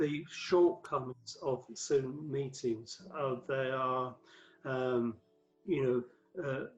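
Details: Aphasia in a man who had five strokes from 2007 to 2015; the 2013 stroke left him paralysed with aphasia affecting word fluency and vocabulary retrieval.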